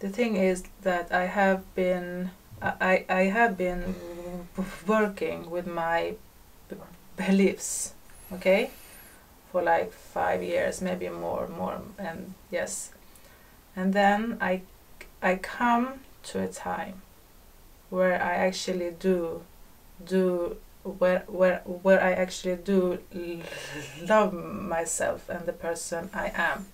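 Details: Stuttering in a female podcast guest who stutters, noted as stuttering much more than usual in this conversation; repetitions of words and part-words.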